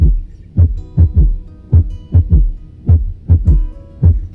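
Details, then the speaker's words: Third heart sound (S3), best heard with the stethoscope bell over the mitral area (left fifth intercostal space, midclavicular line): slow heartbeat about 51/min with a soft low thud within 20 ms after S2; gallop rhythm. "tercer ruido se ausculta mejor con la campana del fonendoscopio y sobre el área mitral el quinto espacio intercostal izquierdo a nivel de la línea media clavicular se detecta al inicio de la diástole como máximo unos 20 milisegundos después de ese 2"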